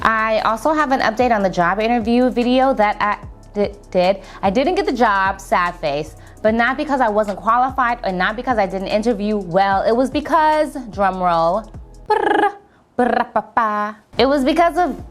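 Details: Adult woman with stuttering, recorded in her own vlog; she reports her speech has recently become more labored and strained; stuttering.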